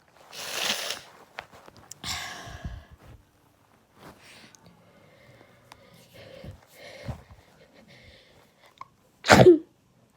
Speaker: My God. I thought they were stopping. Oh my God. My God. Sorry for the big gaps, everyone.